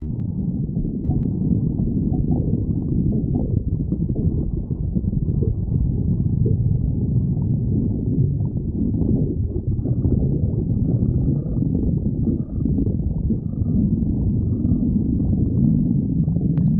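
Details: Melodie's stomach growling: continuous low rumbling and gurgling from the belly, ordinary borborygmi.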